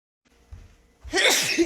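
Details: Woman sneezing, tagged allergic rhinitis: a quick intake of breath, then a sharp, explosive sneeze burst; sneezing.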